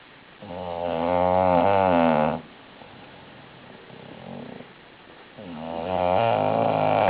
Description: Female bulldog snorig loudly